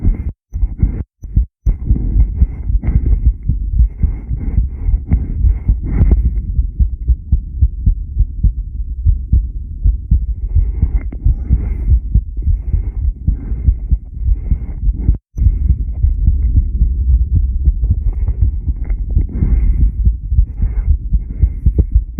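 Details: Heart sounds of an adult subject during rebreathing, 10-lead recording: steady, low, muffled thumps over a constant low hum.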